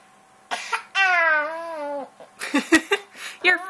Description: my daughter coughing just for fun and to make noise